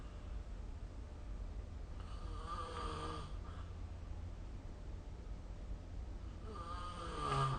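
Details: Snoring during sleep recorded with the SnoreLab phone app: two loud, rattling inhaled snores about four seconds apart over a low steady room hum.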